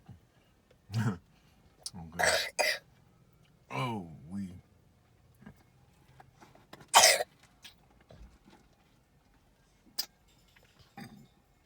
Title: My spoiled granddaughter got me to get her a milkshake when momma said no… coughing no dairy